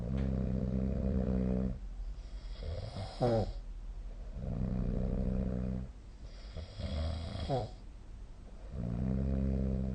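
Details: Snoring during sleep: loud, low, rattling snores on each in-breath at about 14 breaths a minute, with quieter out-breaths ending in a brief whistle-like rasp.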